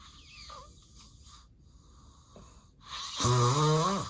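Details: Real, unacted daytime nap of an adult with sleep apnea and excessive daytime sleepiness: quiet, faint breathing gives way to a loud, rough, vibrating snore, snoring in obstructive sleep apnea.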